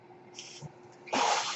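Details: A soft hiss of airflow, then a louder sustained rushing whoosh of air as the speaker's own home ventilator delivers a breath during a podcast recording: a home mechanical ventilator sound.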